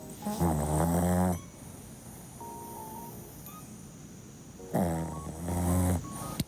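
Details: A sleeping dog snoring: two long, loud, low snores several seconds apart, with soft music in the background.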